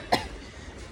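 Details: Adult woman with a persistent dry cough: a single short, sharp cough with no rattle, then quiet room noise.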